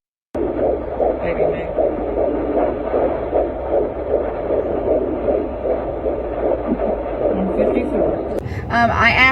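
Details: Fetal heartbeat on Doppler at 15 weeks pregnant, second trimester, early doctor visit: rapid, regular whooshing pulses at about 154 beats a minute.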